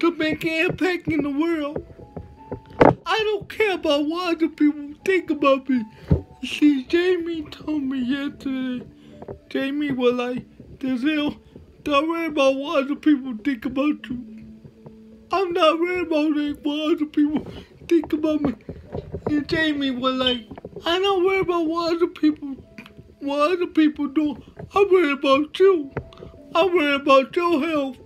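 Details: Dysarthria with slurred speech in a male motivational speaker with cerebral palsy, speaking in a real talk.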